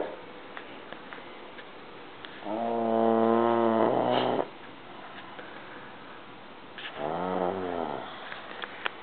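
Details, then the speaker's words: Man asleep on a couch snoring loudly, likened to a lawnmower: two long droning snores with a rough vibrating tone on each inward breath, with a quiet pause between. "cuz I hear something that sounds like somebody's like outside freaking mowing their lawn or something and then I go look and it's DAV and snoring so let's go prove him wrong"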